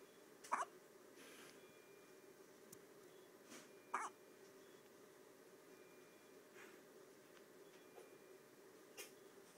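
Soft, brief hiccup catches at irregular intervals, a few in ten seconds, in a quiet room: baby hiccups.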